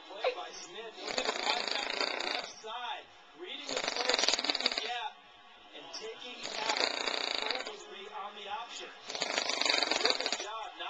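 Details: Adult man (father) snoring, TV sports commentary in background: loud harsh rattling snores, four long bursts separated by quieter out-breaths, about 22 breaths a minute; snoring.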